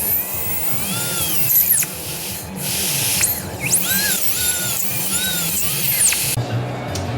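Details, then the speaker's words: Dog's broken premolar tooth being cut into sections with a dental drill before extraction: high whining drill cutting in bursts with water spray hiss, the water cooling the drill to protect sensitive tissues. "we can use this little drill and remember that noise does that make you feel good does that make your teeth hurt"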